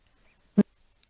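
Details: Harsh vowel onset ('ah') in a muscle tension dysphonia context; laryngeal video shows the vocal folds oscillating only three to four times before touching; hard glottal attack.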